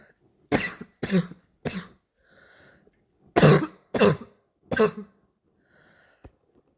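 Six harsh, explosive coughs in two runs of three, imitating a barking cough.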